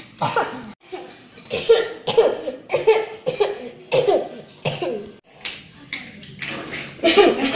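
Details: Simulated cough demonstration: about ten short, forceful coughs in quick succession, some with a throaty catch, in a small room; a plain cough.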